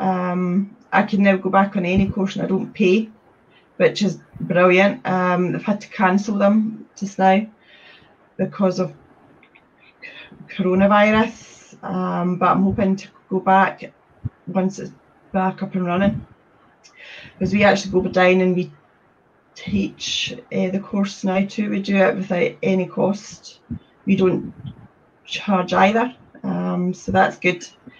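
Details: Adult woman with a speech problem since age three who reports blocks when speaking; stuttering.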